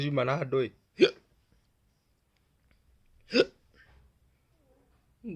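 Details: Hiccups: a brief voiced sound followed by two sharp, abrupt gulping hiccups a couple of seconds apart, in a quiet room.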